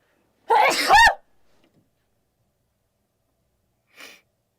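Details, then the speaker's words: A single loud sneeze with a sharp voiced burst, then a brief quiet sniff a few seconds later: sneezing. "babe wow I think I just sneezed out demons"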